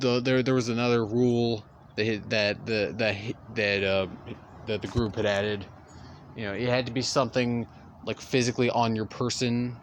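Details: Stuttering in a male speaker who stutters throughout continuous storytelling.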